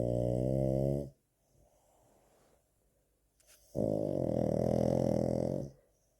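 Two long, loud rattling snores from a flat-faced dog, separated by a quiet breath out; noisy snoring through a narrowed upper airway.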